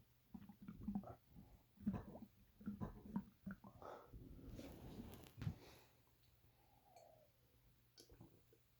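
Quiet, irregular gurgling and sloshing rumbles over a low room hum; ordinary stomach growling.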